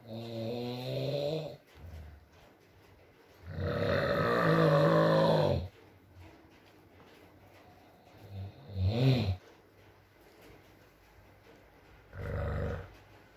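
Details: Male partner snoring during sleep in a recording with rain: irregular loud, buzzing snores with quieter gaps and soft background noise.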